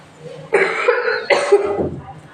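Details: Child with a cough lasting a week to 10 days, being given a homemade herbal decoction: two loud, harsh coughs close together, with quiet room noise around them.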